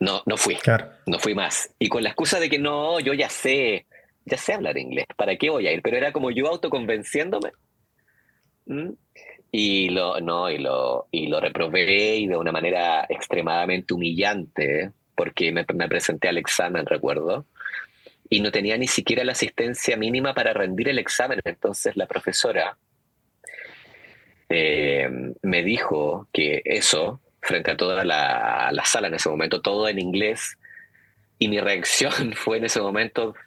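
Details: Adult man who stutters; stuttering.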